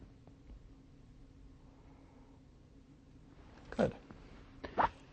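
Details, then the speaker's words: Normal bowel sounds from a male patient's exposed abdomen during a physical examination: quiet abdominal listening with two brief gurgling bursts; normal bowel sounds. "The first thing I want to do is take a listen to the bowel sounds in the abdomen."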